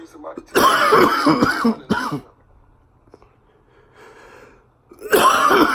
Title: Cough attack while smoking loud!